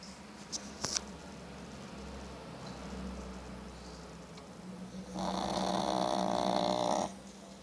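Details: Pug dog snoring: quiet breathing with room noise, then one long, loud, buzzing snore lasting about two seconds.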